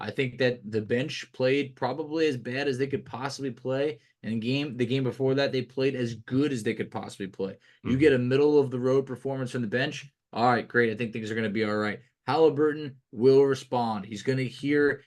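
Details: Adult man speaking; ordinary speech.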